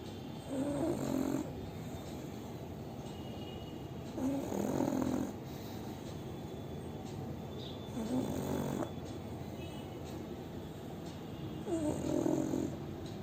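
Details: Sleeping pug snoring: rhythmic snorting snores with each in-breath, about 16 a minute, with faint background noise.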